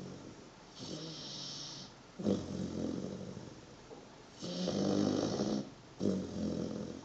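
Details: Dog aged 123 days, weighing 23 kg, asleep on a person's foot: soft rattling snores on both breathing in and out, about four breaths in seven seconds; loud snoring.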